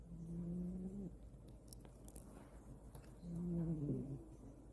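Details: Sleeping cat snoring: two soft, low, humming snores against faint room noise.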